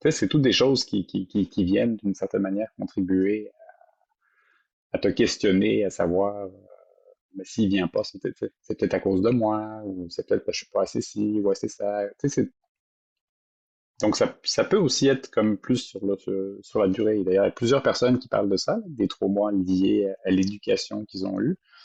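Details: Adult woman who stutters, a doctoral candidate in speech-language sciences: stuttering.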